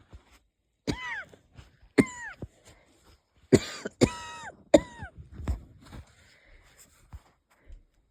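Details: About five light coughs, several with a whistling, wheezy tail, plus a couple of stifled sneezes in a quiet room; wheezy cough in a person unsure whether it is a cold or an asthma flare-up.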